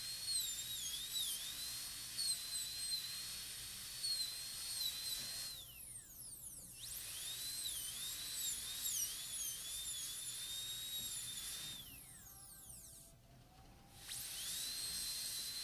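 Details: High-speed dental handpiece cutting a maxillary canine PFM crown preparation on a typodont, extending and angling the shoulder margin gingivally: high-pitched whine rising and falling with brief pauses.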